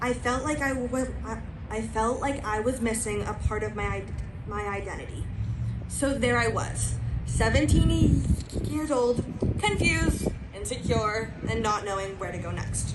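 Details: Stuttering in a female high school senior, a self-described person who stutters, with word repetitions during a live graduation speech.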